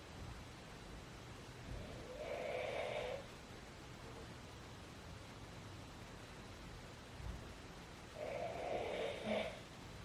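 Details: Father snoring at midnight: two snoring breaths about six seconds apart, each a low rasping rumble, over a steady room hiss, roughly ten breaths a minute.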